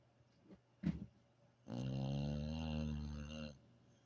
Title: Boss snoring away after a hard day at play.